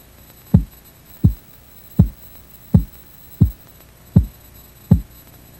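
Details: Regular soft thumping pulse sounds, about 80 a minute, through a stethoscope as the cuff deflates; practice sample for reading systolic (first sound) and diastolic (last sound) pressure by auscultation; Korotkoff sounds, 1997 first-aid training.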